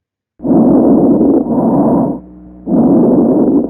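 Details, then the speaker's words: Pneumonia on chest auscultation: bronchial breathing with coarse mid-inspiratory crackles. "هنا في برونكال بريسنج لو خدتوا بالكم، ومعاه كورس ميد انسبيراتوري كريبيتيشن في النيمونيا. برونكال بريسنج ومعاها ميد انسبيراتوري كورس كريبيتيشن."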